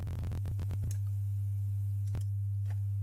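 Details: Online interactive hearing test via headphones, uncalibrated, educational: steady deep low-pitched pure tone with soft clicks; pure-tone audiometry test tone.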